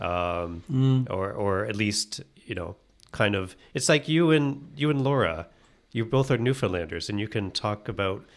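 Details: Adult man speaking; typical speech.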